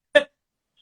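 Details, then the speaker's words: Maltipoo (Maltese-poodle cross) dog sleeping: a single short, rough snort-like breath, an ordinary snore. "My dog is snoring in the background if you hear oh, weird noises."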